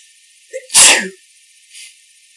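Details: Sneezing before nose-blowing; a brief in-breath followed by one sharp, forceful sneeze, an ordinary sneeze.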